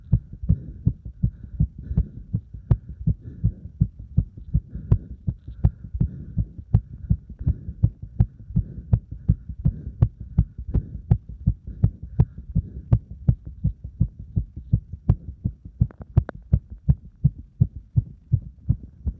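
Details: Fast, steady, forceful heartbeat with regular low thumps, recorded right after burpees followed by deep squats: rapid normal heartbeat after exercise.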